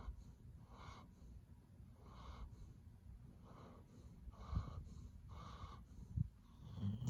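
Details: Sleeping pet snoring peacefully: quiet, regular snuffling snores about once a second with a faint whistle and a few snorts; light snoring.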